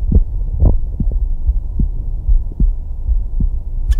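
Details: Doctor's own heartbeat heard in real time through a Stemoscope, a tiny handheld digital stethoscope paired to a phone or iPad: steady, muffled low thumps around 75 a minute over a low hum. Normal rhythm.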